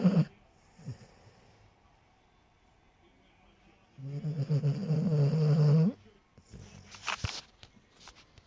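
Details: Lillie, a short-haired pointer dog, snoring while asleep: loud, rough, low snore lasting about two seconds on the in-breath, with quiet stretches and small snuffles around it.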